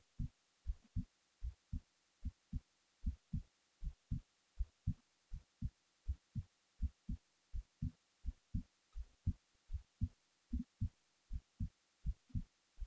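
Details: Steady, dull, paired thumps at about 80 a minute, recorded while falling asleep; a heartbeat.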